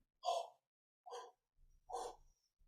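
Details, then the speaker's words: Cavernous (cavitary) breath sound, a low-pitched blowing murmur sounding like an "O", heard mainly on inspiration over very large peripheral lung cavities. "Y este soplo bueno digamos tiene Este es un soplo grave eh que suena este como una O no entonces este"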